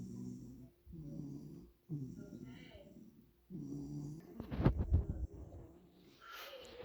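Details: Low rattling snores in repeated breath cycles, then a louder snort-like burst, with a cat purring in the background; snoring.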